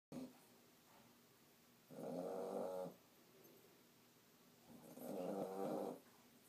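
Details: Sleeping puppy giving rhythmic rattling snores about every three seconds, roughly 20 a minute, with quiet pauses between: snoring.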